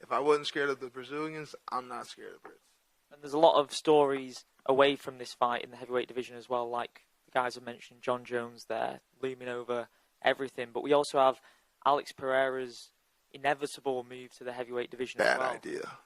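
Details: Adult male speaker; no speech disorder.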